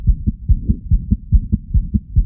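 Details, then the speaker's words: Newborn heart audio from a teaching app: fast heartbeat with a low continuous rumble between beats, the murmur of patent ductus arteriosus. "Here we've got some audio of a patent ductus arteriosus."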